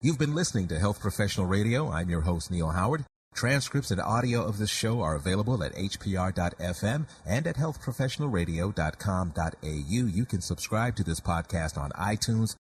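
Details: Adult male radio host; Normal adult male speech.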